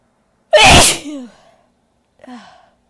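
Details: Female, one loud, forceful sneeze with a voiced tail, then a smaller voiced sound; one of a series of big, powerful sneezes.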